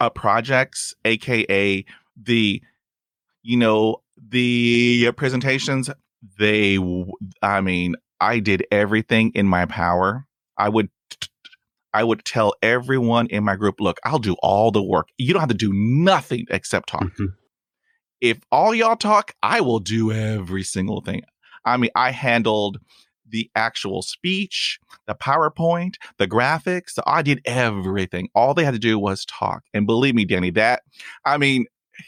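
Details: Stuttering in a real adult male who stutters, with 20 years of speech therapy; he reports blocks during which his eyes close and his arms move.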